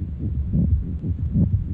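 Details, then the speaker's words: Pericarditis teaching example: two heartbeats with a scratchy, squeaky grating noise on each beat from inflamed pericardial layers rubbing, persisting with breath-holding; pericardial friction rub. "so when the two layers of the pericardium get inflamed they tend to rub against each other and on cardiac exam you might hear a pericardial friction rub"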